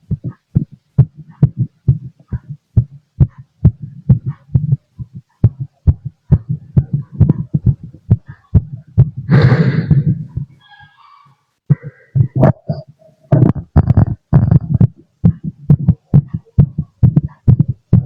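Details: Strong, quick, regular pounding heartbeat heard through a stethoscope after drinking lots of coffee (heavy caffeine intake).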